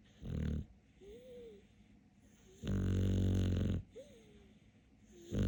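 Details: Loud buzzing snores alternating with short whistling whines on the out-breath from a sleeping dog: snoring.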